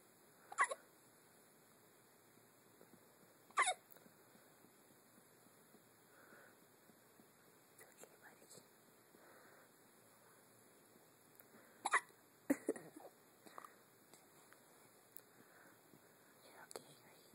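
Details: Newborn infant hiccups: four or five brief, sharp catching sounds at irregular intervals in a quiet room.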